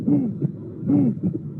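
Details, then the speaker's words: Real, unfiltered auscultation with room noise of aortic stenosis: two beats each carrying a cooing, whistle-like systolic murmur falling in pitch, a musical quality attributed to chest configuration acting like an instrument's resonance box. "So this is a aortic stenosis with a musical impression."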